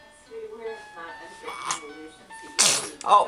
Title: NRK SNEEZING